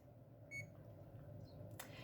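A single short electronic beep from an epidural infusion pump during tubing priming setup, with quiet room noise.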